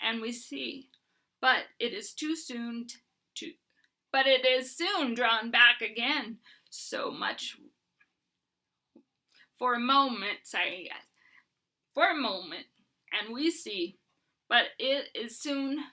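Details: Adult woman with Huntington's disease who uses a bed setup to prevent falls and is getting a service dog; Huntington's disease speech.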